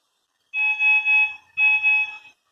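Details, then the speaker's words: Apnea alarm deliberately triggered on a non-invasive ventilator in an ICU teaching simulation: two loud, high, steady alarm tones warning that no breaths were detected within the programmed apnea time. "nós temos também o alarme de apneia geralmente a gente programa entre 20 segundos e segundos né seu paciente não fizer nada ele também vai me demonstrar que eu não tô tendo respiração sequência Eu tenho 21"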